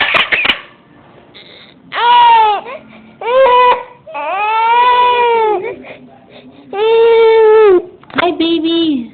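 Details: Baby with hiccups crying: loud, drawn-out cries in repeated bursts separated by brief breaths; infant crying.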